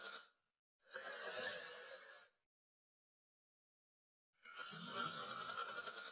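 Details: Snoring from a sleeping individual.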